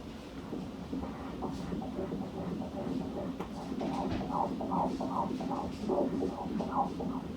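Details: Triplet IVF pregnancy at 15 weeks 5 days, ultrasound Doppler: quick rhythmic whooshing fetal heartbeat, 144 beats a minute, normal rate.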